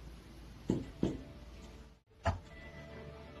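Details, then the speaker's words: Dull percussion note in cardiopulmonary examination: middle finger of dominant hand striking the stationary hand's finger in an intercostal space parallel to the ribs, three short, soft, thudding taps with little ring, over dense tissue. "a resulting sound at the time of the percussion depends on the density of the tissue or organ"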